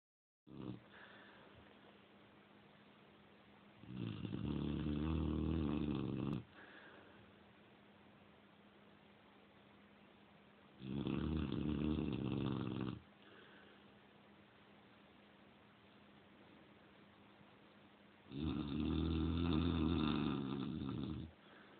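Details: Female Cane Corso snoring loudly while asleep, as she does almost every night: loud, low, rattling snores, three long breaths in about 20 seconds, with quiet breathing between.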